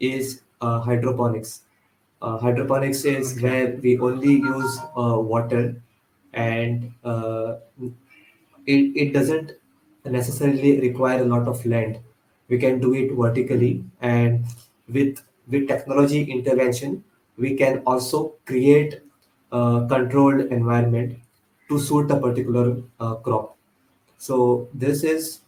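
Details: Real, self-identified stuttering in a male podcast host who stutters and belongs to a stammering association; finding: stuttering.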